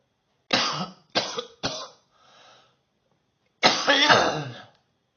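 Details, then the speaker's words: Woman's morning coughing fit first thing after waking: three harsh coughs in quick succession, a soft breath, then one longer rough cough after a pause; she says the cough is bad this morning. "Cough's bad this morning. Oh. Oh. This is first thing in the morning, by the way."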